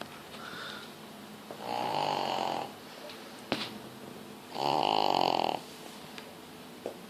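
Two long, rattling, buzzy snores with quieter breathing between them, in a small room.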